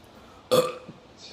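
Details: A little boy, drinking and trying for his biggest burp in a burping challenge: a single loud, throaty burp of about a third of a second in a quiet room.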